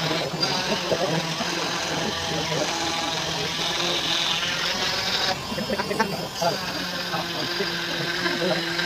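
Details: Cast saw removing a leg plaster cast 28 days after an ankle fracture from an accident: steady loud motor whine and buzzing with grinding as the blade works through plaster.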